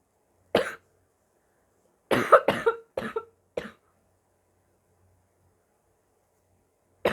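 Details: Harsh, abrupt barking coughs in short bursts from an adult who says they are very sick, with gagging and spitting.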